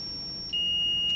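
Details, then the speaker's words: Zoll ZR series defibrillator charging tone: steady high electronic tone stepping to higher pitch as energy is set to 30 joules in defib mode, shocking into the machine itself via therapy cable during a self-test. "so you'll just turn this to defib we're going to select the energy down to 30 Jews"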